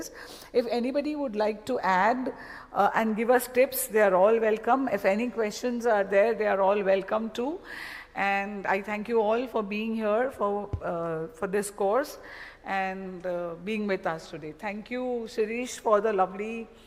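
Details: Adult woman speaking; Normal speech.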